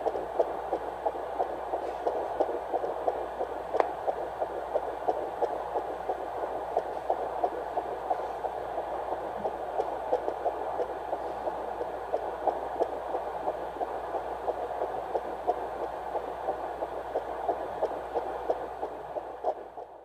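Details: Fast, regular whooshing pulses through a handheld Doppler: first-heard normal fetal heartbeat of a couple's first baby.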